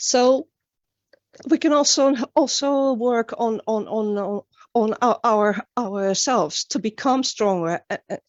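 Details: Stuttering in a woman from Sweden, an international stuttering advocate, with word and part-word repetitions heard during a conference talk; finding: stuttering.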